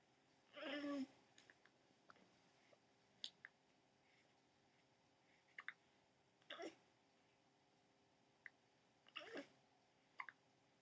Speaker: hiccuping baby. Are you gonna hiccup yourself to sleep?